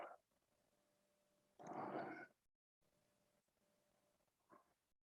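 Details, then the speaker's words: Adult's stomach rumbling during a yoga twist, reaching the hand to the opposite heel: a loud gurgling rumble, then a brief smaller gurgle; ordinary bowel sounds. "It's a good stretch in abdominal organs. You can hear my stomach rumbling."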